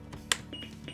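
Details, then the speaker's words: A Defibtech Lifeline AED main battery pack is pushed in until it clicks, followed by short high-pitched beeps as the battery self-test starts: AED battery insertion click and beep. "and then you just take the new battery and you're going to pop that back in the AED until you hear it click."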